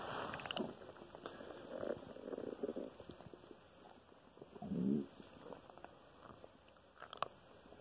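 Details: Loud stomach noises, some days louder than others: low gurgling, rumbling bowel noises come and go, with one longer growl; borborygmi.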